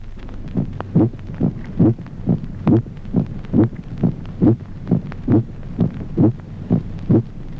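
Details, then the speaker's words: Musical resonance of the aortic second heart sound in aortic aneurysm: regular paired heart sounds about 68 per minute with a loud, ringing second sound. "Ejemplo triésimo. Resonancia del segundo ruido cardíaco. Timbre musical del segundo ruido aórtico en el aneurisma de la horta."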